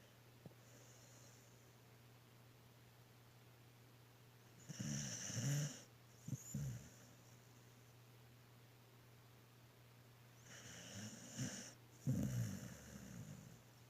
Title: How milo snoring 😴😊 #pets #doglover #puppy #dogowner